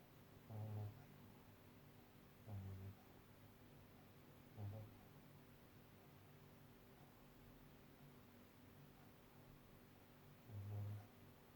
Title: snoring